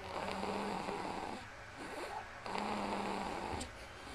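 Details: Boy in deep sleep on his father's lap during a Twins game, recorded with a Flip Video camcorder: two long, rough, rattling snores on the breath in, with quieter breathing between them.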